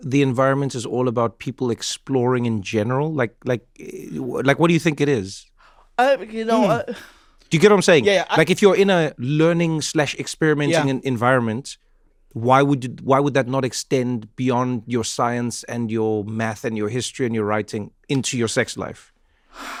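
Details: Adult male speaker; normal speech.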